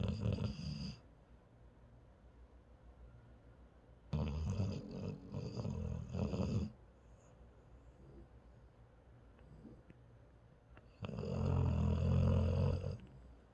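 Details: Paralyzed dog asleep: low, rough rumbling snores in separate bursts with quiet gaps; snoring.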